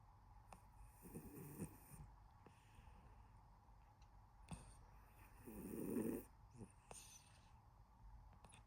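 Soft, low snoring bursts recurring about every four to five seconds in a quiet room, with faint breathing between them; gentle snoring during sleep.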